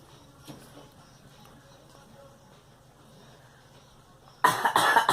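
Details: Girl coughing: quiet room, then a sudden burst of two or three loud, harsh coughs at the very end.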